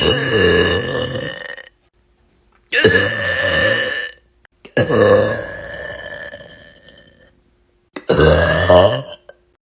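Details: A girl burping: four long, loud, deep burps separated by brief silences.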